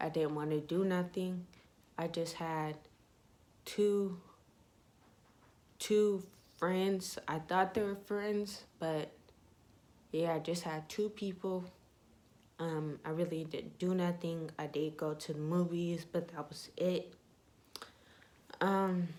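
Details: Young woman with ataxia (she says type 46), symptoms beginning in her high school junior/senior years, with leg shaking, poor balance and twitching; she reports her voice trembles whenever she talks; voice tremor (ataxic speech).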